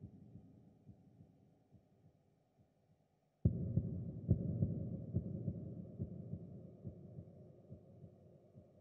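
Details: Heartbeat.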